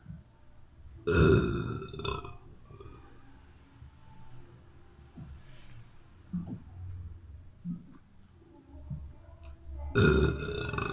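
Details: Boy burping: two loud, low, throaty belches several seconds apart with quiet room noise between; ordinary burping.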